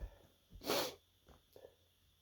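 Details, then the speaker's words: A short inward breath, then one sharp, explosive sneeze with faint breathing after it; sneezing. "no, I gotta sneeze. Whew. Excuse me. I guess sneeze again. Oh, excuse me. Oh no. Oh, another one."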